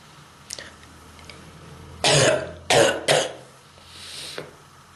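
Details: Three harsh, forceful coughs in quick succession with a throat-clearing quality, from a person with strong bronchitis who reports throat and chest pain; bronchitis cough.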